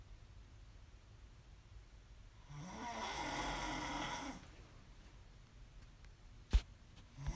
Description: Snoring loud af baby :'( can't sleep but I'll get there lol